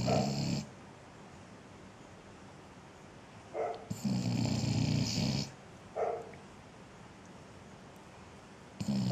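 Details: Sleeping dog with loud, snorting snores on each inhalation and short huffs between them; owner links the snoring to being hot.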